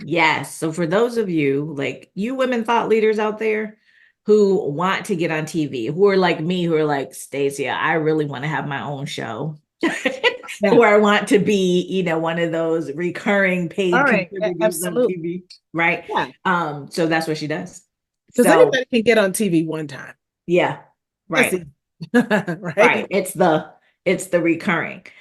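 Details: Adult woman speaking, with brief replies in conversation; ordinary conversational speech.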